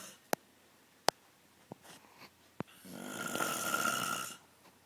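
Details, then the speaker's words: An adult father asleep, a loud snorer for many years: scattered clicks, then one long, rough, rattling inspiratory snore, loud and harsh against a quiet room; snoring. "okay so for the past 18 years of my life my dad has snored like a hog um that has been stabbed multiple times and he's never believed me"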